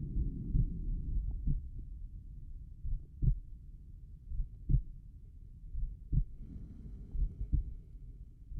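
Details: Normal heart sounds heard at the tricuspid valve area, slow rate: soft, slow low thumps at roughly 40–45 a minute under a steady low hum.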